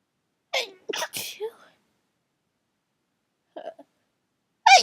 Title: morning sneezes (again)